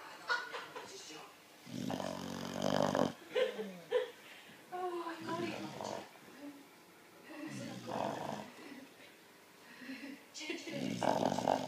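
Irregular snorting, gurgling snores with wet, rattly noises between breaths, typical of a flat-faced dog sleeping.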